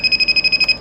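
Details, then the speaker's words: Neatcell picosecond laser tattoo-removal pen on frequency setting 1, its fastest firing rate, during a third home session. Rapid, evenly spaced high-pitched electronic beeps, about eleven a second, while the side button is held: the laser pen firing. "So there's a button here on the side. You just push it and the laser starts to work. So you just listen to the sound."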